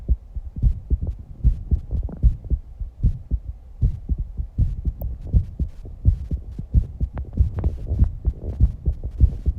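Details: 19-year-old girl's fast heartbeat after exercise, recorded alongside heavy breathing and some breath-holding: rapid, regular low thumps at about 150 per minute with a faint breathing rush.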